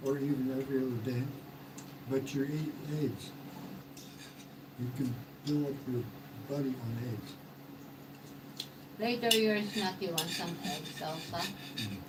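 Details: Man, 115 days into self-therapy for mild stroke aphasia; hesitations and sentence restarts; aphasia after stroke.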